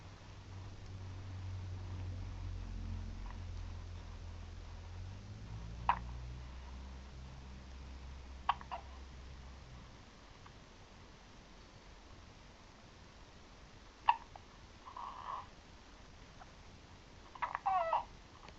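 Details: Infant girl aged 1 month 8 days lying in a crib: soft, sharp clicks spaced seconds apart in a quiet room; hiccups.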